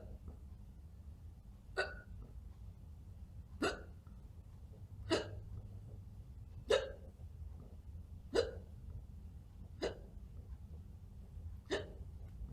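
Seven sharp, abrupt hiccup sounds at irregular intervals, roughly one every two seconds, likely voluntary imitations rather than true hiccups.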